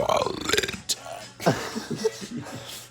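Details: Young man burping deliberately on camera: a long, deep voiced burp, then a second belch trailing into rough, croaking sounds.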